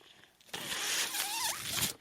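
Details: The speaker's own mechanical ventilator during podcast speech: after a brief quiet pause, a rushing hiss of air lasting about 1.5 seconds with a faint whistling squeal as a breath is delivered; mechanical ventilator sound.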